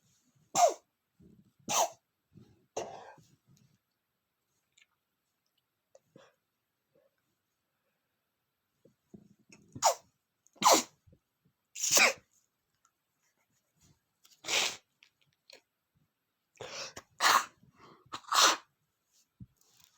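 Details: Adult man, still sick, sneezes repeatedly, about nine sharp bursts in clusters with quiet pauses between.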